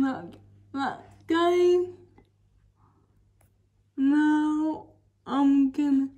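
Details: Dysarthric speech from cerebral palsy in a woman, recorded while she talks through her daily routine during quarantine.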